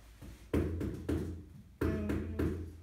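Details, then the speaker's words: Comparative chest percussion in obstructive bronchitis: four hollow taps with a drum-like, box-like ring; hyperresonant (tympanic, empty-box) note, described as typical for emphysema in obstructive bronchitis. "so during comparative percussion normal sounds resonance right but more obstructive bronchitis the sound will be more tympanic sometimes box-like sound"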